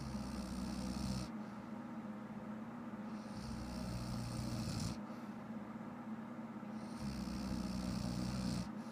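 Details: Loud snoring from an adult woman who fell asleep while watching shows: slow, rasping snores, each lasting a couple of seconds, about every four seconds, over steady room hum.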